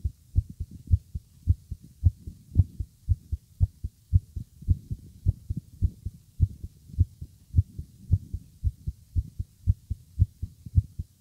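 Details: A man's heart, heard with an ear against his chest while he was nervous after listening to his partner's heartbeat, pounds rapidly and regularly at about 105–110 a minute: sinus tachycardia.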